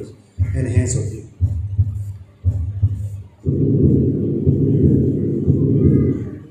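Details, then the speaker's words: Continuous machinery murmur of patent ductus arteriosus, continuous flow regardless of cardiac cycle, rising then falling in intensity. "again this is the continuous background noise"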